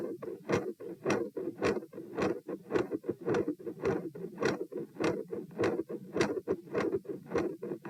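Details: Heart auscultation at position P during a stress test (rates 72-90-102-114-90 bpm while lying, sitting, standing, bobbing, standing, lying). A fast regular heartbeat at about 105 per minute, with a continuous rumbling machinery murmur and sharp high-pitched clicks.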